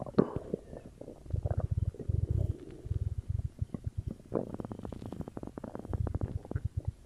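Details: Ordinary stomach growling (borborygmi) after drinking cola: low gurgling rumbles and bubbly pops continuing almost without a break.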